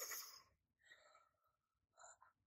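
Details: Woman severely ill since 2009, living with a ventilator, during a pancreatitis attack, saying she is in pain; pain vocalization (gasping).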